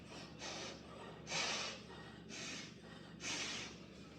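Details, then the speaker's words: Emergency tidal breathing through an inhaler spacer, demonstrated by a pulmonologist for asthma/COPD use: quick, regular in-and-out airflow, about 30 breaths a minute, inhaling and exhaling through the spacer mouthpiece; rapid tidal breathing through a spacer. "मुंह में रखा है इसको रेफ्ट किया और आप इसी में ही सांस लेते रहे इसी में निकालते रहे या अगर आपका सांस इससे भी तेज चल रहा है तो तब भी इसी में लेते हैं और निकालते"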